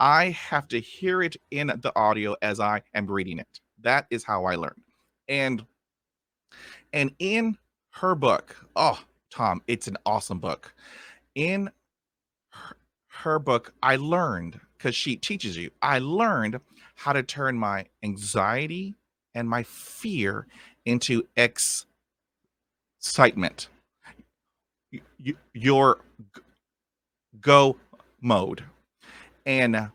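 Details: Person who stutters asking a question, with sound repetitions; stuttering.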